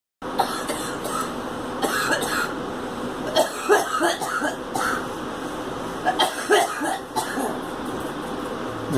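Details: Girl coughing: several short, harsh cough bursts over a steady background hum like a moving vehicle.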